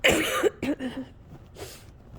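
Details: Coughing fit during a cold lasting a couple of weeks: two harsh coughs, then a shaky breath in; tail end of a fit close to an hour long, breath shaky between coughs.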